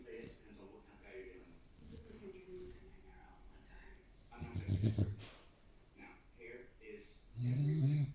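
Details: Staffordshire Bull Terrier snoring while asleep: two loud, low, rattling snores with quieter breathing between, faint background voices in a small room.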